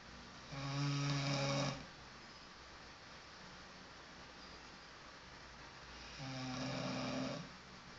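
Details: Loud, low, rattling snoring: two snores about five seconds apart over a quiet room.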